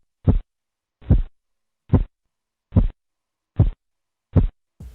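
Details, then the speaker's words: Korotkoff sounds phase III during blood pressure measurement: the blowing murmur of phase II disappears, giving crisp, louder, distinct regular tapping at about 72 a minute. "En el tercer ruido, el murmullo o soplo desaparece escuchando un ruido más nítido y de mayor intensidad."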